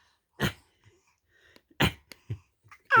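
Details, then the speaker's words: Young child imitating her father's cough (he coughed from an itchy throat): three short, sharp dry coughs with quieter breathy sounds between; imitated cough. "Ba ngứa cổ ba ho chứ tự nhiên con ho theo."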